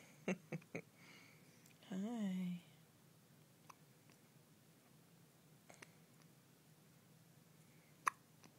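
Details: Two-day-old newborn with hiccups: soft, short hiccup clicks with one brief whimper and faint room noise.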